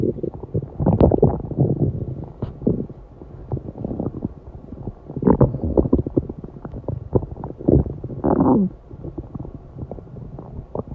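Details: Low gurgling rumbles and bubbling bursts come and go with a final strong growl; stomach growling after a 7-hour fast.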